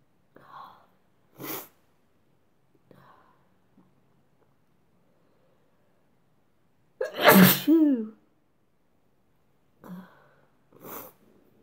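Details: Several soft sneezes and one loud sneeze with a brief voiced trail, muffled as if into a handkerchief; sneezing.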